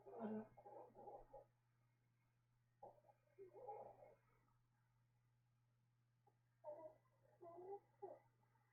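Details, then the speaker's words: Female dog sleeping on a bed snoring loudly: gurgling, rumbling sleep breaths in short bursts over a steady room hum. "I can actually see the the sound lines going up when she snores loud you guys can definitely hear that oh she's so loud"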